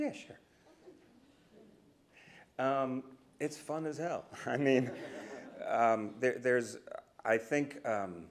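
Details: Stuttering with part-word and whole-word repetitions in an adult man, a person who stutters and speech-language pathologist, speaking live; he says he used to stutter overtly a lot more.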